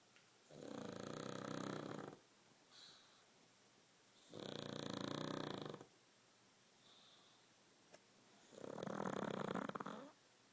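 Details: Snoring: three long, rumbling snores at an even pace, each a few seconds long with quiet gaps between, about 17 breaths a minute.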